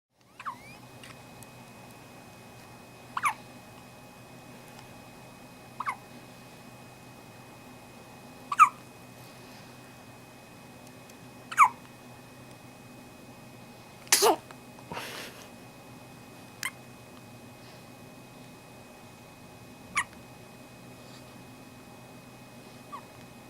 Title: Baby Hiccups